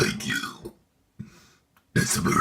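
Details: Loud, low, drawn-out deliberate burps separated by a short pause and a softer belch.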